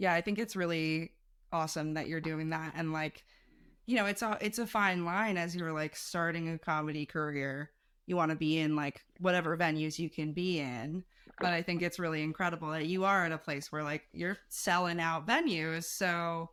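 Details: Adult woman speaking; typical speech.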